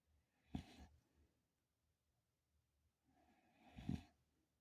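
Two short, rough, snorting breaths about three seconds apart in a quiet room; snoring.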